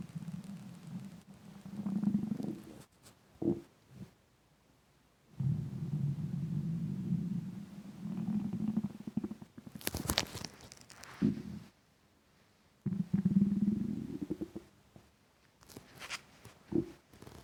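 Long, low gurgling rumbles of the belly with short squeaks and quiet gaps: ordinary hunger rumbling.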